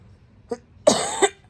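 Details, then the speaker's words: Woman coughing since laparoscopic gallbladder removal: a brief throat sound, then one harsh cough burst in a quiet room. "sorry I've been coughing since the surgery so that's what happened"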